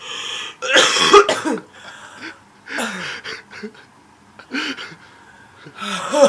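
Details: Person who is sick gives repeated harsh coughs in about four bursts over six seconds, some with a throaty voiced tail: a prolonged coughing fit.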